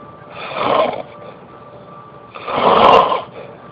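Two loud, rough, rattling inspiratory noises separated by quiet pauses, with a steady faint hum in the room: snoring.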